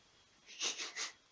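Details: Aphonic, voiceless meow from a cat that sometimes meows without voice; owner suspects tiredness.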